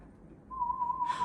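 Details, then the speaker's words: Audiometer test tone during child play audiometry practice round before headphones, child listening for the whistle: a steady pure whistle tone in a quiet room. "Let's pop the headphones on. You can do this all by yourself and see if you can hear the tiny little baby whistles, okay?"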